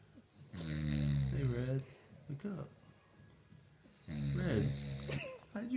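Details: Sleeping English Bulldog, dozing off, snoring: loud, low, rattling snores on the in-breath, two long ones with a softer snort between.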